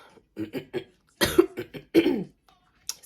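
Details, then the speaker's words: Cough from a woman who tested positive for COVID-19, fully vaccinated, hoarse. "so that's one of the reasons i stand the way i sound so if you hear me coughing throughout this video excuse me just excuse myself"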